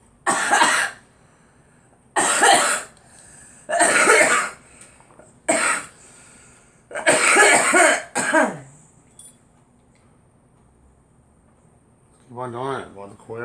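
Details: Girl coughing: a child coughs six times in separate bursts, followed by a brief voiced sound; cough.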